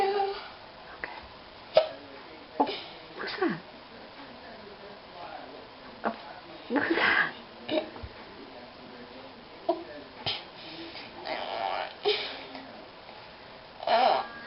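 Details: Young boy who got hiccups after starting to sing and thought a lollipop might cure them: brief sharp vocal catches at irregular intervals, about nine a minute, in a quiet room; hiccups.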